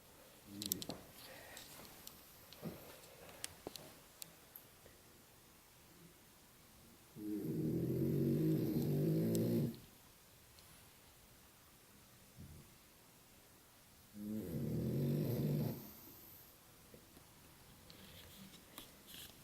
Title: Snoring Rocco